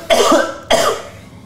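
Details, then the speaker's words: Two abrupt, hacking coughs with no rattle from a person with autism; a dry cough thought possibly due to dust allergy with an itchy throat, warm lemon water suggested. "sakit itu mungkin terkena terkena debu alergi gatal Halo barzakh it Oh iya ya kena debu gitu coba minum lemon hangat air lemon hangat itu bagus buat tenggorokan"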